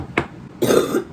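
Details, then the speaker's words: A short sharp cough then a throaty, rough cough from an adult recovering from a cold, taking day-and-night cold medicine. "Oh, anyone just hear that cough? Aside from that, I actually did have a lot of fun last night and this weekend, regardless of me being sick."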